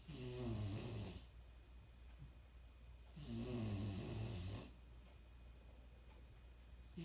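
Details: Loud, frequent snoring from an animal, described as snoring more and louder than any animal the owner has known.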